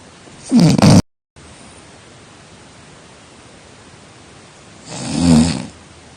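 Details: Two loud, rough snoring breaths a few seconds apart against a steady background hiss, in a sleeping person; ordinary snoring.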